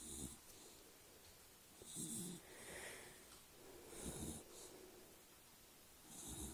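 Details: A dog sleeping on his back snores: three soft, rattling snores on in-breaths, roughly two seconds apart, over quiet room noise.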